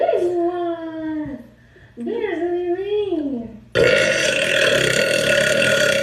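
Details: Female live-streamer burping compilation: two long, voiced, drawn-out belches, then a loud burst of applause or crowd noise; prolonged burping.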